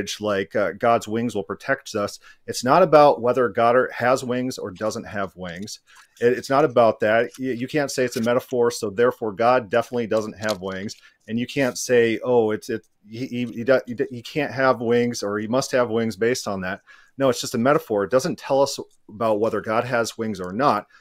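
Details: Adult male speaker; ordinary speech.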